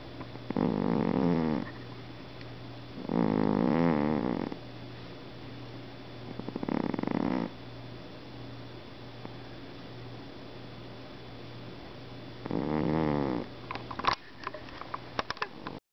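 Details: Sleeping Norwegian Forest Cat, twitching as if dreaming, gives loud, rough snores, four of them spaced a few seconds apart, harmless: snoring.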